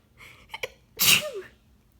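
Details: A person having an almost nonstop sneezing fit (18 sneezes) while trying to read homework aloud: a quick in-breath, then one loud explosive sneeze with a voiced trailing sound.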